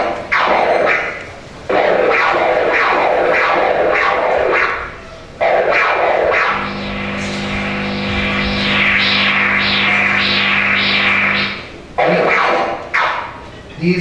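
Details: Arterial Doppler ultrasound: rhythmic whooshing pulses from arterial blood flow, with a steady electronic hum partway through.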